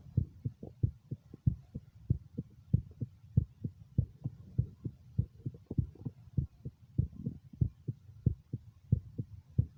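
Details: Self-recorded stethoscope heart sounds at the mitral area, taken while doing an ultrasound (echocardiogram) of his own heart: a steady run of soft, low paired thumps, normal heart sounds.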